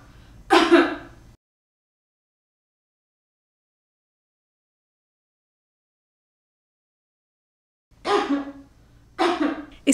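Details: Demonstration of cough and sneeze etiquette: three short, forceful bursts of acted coughing or sneezing separated by a long silence: cough and sneeze.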